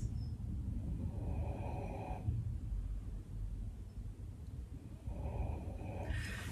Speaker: if he's not whining he's snoring i can't have a quiet house anymore